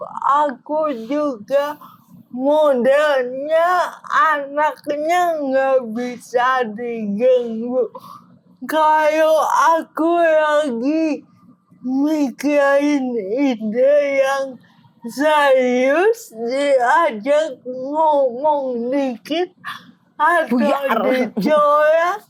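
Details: Adult woman with cerebral palsy limiting gross and fine motor skills; dysarthria.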